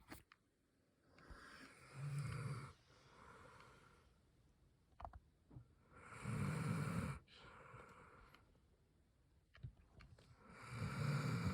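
Low, rough, rattling snores at each breath, about 13 a minute, with softer exhalations between. Snoring.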